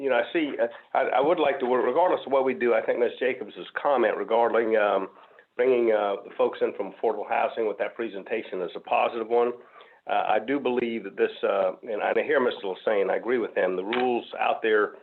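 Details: Adult man speaking, telephone or meeting audio; Normal voice.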